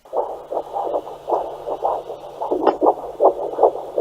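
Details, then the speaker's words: Doppler fetal heart rate at the first appointment where it was checked: fast whooshing galloping pulses about 150 per minute, in a mother with hyperemesis gravidarum, before the 20-week anomaly scan. "And this was the first appointment they did a fetal heart rate, so it was amazing to be able to hear her heart. I actually filmed it, so I'll insert a clip of that here."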